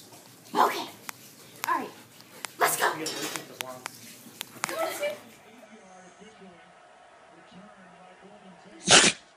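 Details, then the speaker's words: A dog sneezing repeatedly: several sharp, explosive sneezes in quick succession; a faint voice in the background. "Mix. You've sneezed about 12 times, man. Are you okay? Huh?"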